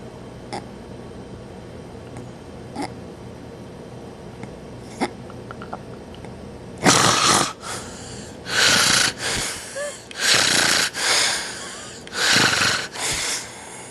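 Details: Loud, harsh snorting snores during a nap, about eight bursts in a rough rhythm over several seconds, after quieter breathing with faint clicks.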